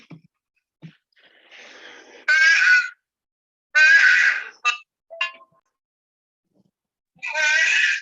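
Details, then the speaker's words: Loud, tonal, honking cough from a child, likened to a duck's quack, played over a phone call with a weak signal. Finding: honking cough. "اور اس قدر کھانسی، میں آپ کو یہ آواز سنواتی ہوں، آپ یہ آواز سنو."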